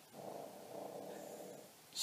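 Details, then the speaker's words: Dog snoring in the room: one long, rough, rattling breath lasting over a second, with quiet room noise; snoring. "did you hear that that's Lucy she's snoring"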